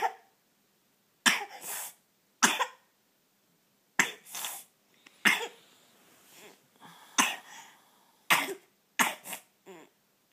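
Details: Young child's coughing spasm, a run of about nine sharp, harsh coughs, some in quick pairs; cause unknown to the parent; paroxysmal cough.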